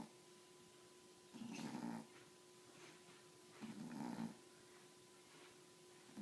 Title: My cousin's dog snores...too funny